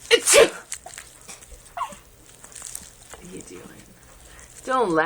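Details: A sneeze, after which someone laughs at the sneezing.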